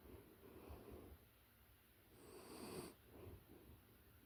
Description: This ASMR track captures the close-up, authentic audio of a puppy in a deep sleep. The soft, rhythmic snores are a natural trigger designed to bring deep relaxation and a sense of calm.